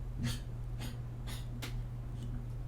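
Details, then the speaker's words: About 15-year-old female dog with a chronic cough of some time, which the owner likens to a smoker's cough; she otherwise acts normal: four short, harsh hacking coughs in quick succession. "She got like the smoker's cough or something. I don't know. I've been told that's like the death sentence, basically."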